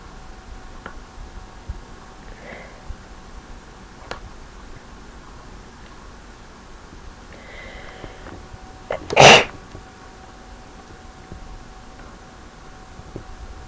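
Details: A single loud, abrupt induced sneeze with a short lead-in breath, in a quiet room.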